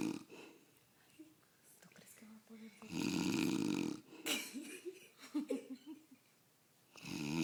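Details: Father snoring: loud rough snoring on the in-breath, with quieter breathing and low murmurs between breaths.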